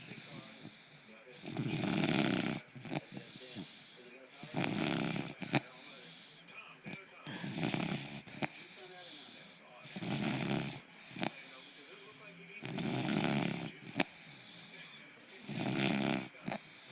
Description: My puggle dexter snores all the time with his underbite showing..